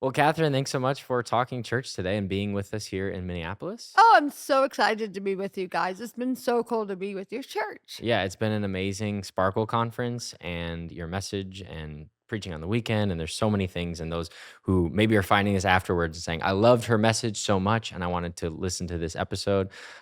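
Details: Adult man and woman in conversation; Conversational speech.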